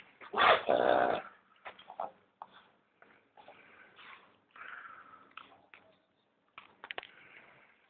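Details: A Boston Terrier with hayfever after running through weeds and brush: a loud burst of snorting, then a string of short snorts and sniffs clearing nasal irritation.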